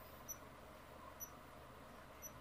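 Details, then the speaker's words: A newly unboxed home pulse oximeter being tested: short, high electronic beeps about once a second, one with each heartbeat, roughly 60 per minute in a quiet room; the device alarms if readings drop. Pulse oximeter pulse beeps. "Hindi, nagbe-beat lang. Yung tunog niya yun, yung heartbeat mo."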